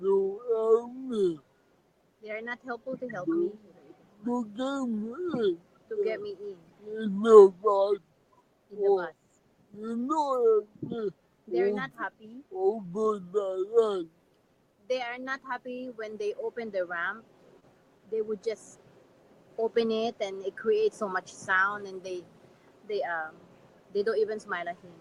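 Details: Adult man with severe cerebral palsy; dysarthria.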